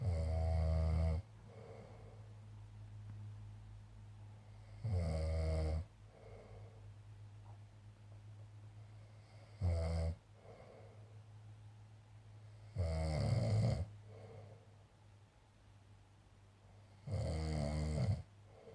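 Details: Snoring in an adult man, a boy back from working away: loud, low, rattling snores about 13 a minute, each lasting about a second, with quieter breathing between them in a quiet room.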